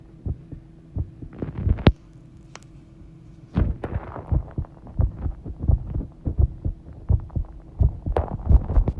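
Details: Regular low thumps at about 86 a minute with a steady hum and some water noise, heartbeat recorded while bathing; normal heart sounds.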